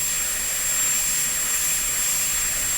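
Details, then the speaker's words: Dental high-speed handpiece cutting a canine preparation for a porcelain-fused-to-metal crown, blending the chamfer and removing a ski jump at the shoulder, burr end kept at the margin: continuous high-pitched whine. "Okay, so I'm trying to blend the chamfer together while I'm getting rid of the ski jump with the shoulder. And again, the end of the burr should be at the margin all the time."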